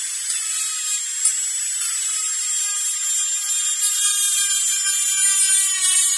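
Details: Dentist-drilling sound-effect recording: steady high-pitched whine of a dental drill running continuously, with faint pitch wavers.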